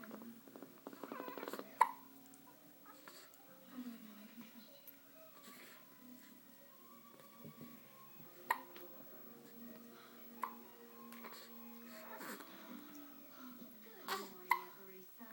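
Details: Liliana with hiccups: several sharp, brief hiccup sounds spaced apart, with faint room noise and music in the background.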